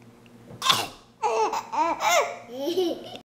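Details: Voluntary cough made on request: one short, deliberate cough, followed by a 4-month-old infant's bright squealing laughter and babbling.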